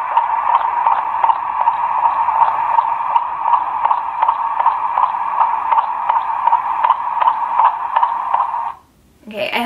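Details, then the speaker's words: Fetal heartbeat of a baby boy recorded in a heartbeat bear, rate 165 bpm: fast, regular whooshing pulses through a tinny speaker. "you guys could hear that good but that day that we went his heartbeat was 165"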